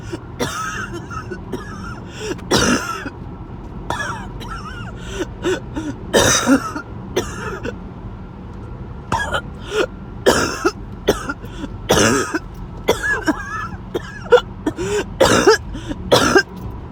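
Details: Repeated harsh coughs and throat clearing with gasping between bursts, light outdoor noise behind; a sudden harsh coughing and choking episode that came on out of nowhere.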